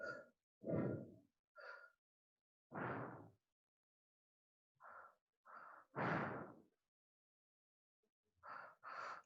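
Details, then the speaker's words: Teacher in a Spanish-language lesson imitates breaths of uneven strength with irregular gaps and pauses, contrasting them with a rhythmic pattern; simulated arrhythmic (irregular) breathing. "Pero sí tenemos que fijarnos de que sea un patrón, o sea, que mantengan una cierta distancia de respiraciones y que sean constantes. Si es rítmica, podría ser como..."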